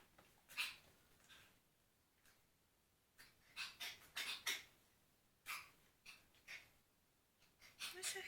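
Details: Dog with a recurrent cough that worries its owner: repeated short, harsh, dry coughing bursts in several clusters over about eight seconds.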